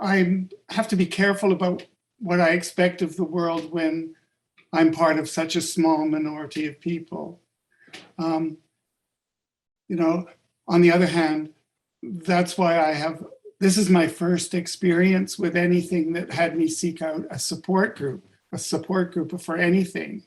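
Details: Adult man with sudden adult-onset stuttering five years ago, attributed to functional neurological disorder (woke unable to speak, up to 20 seizures daily); began as initial sibilant stuttering, now mostly syllable-by-syllable blocks; fluent in mirror or fake accent; stuttering, silent blocks.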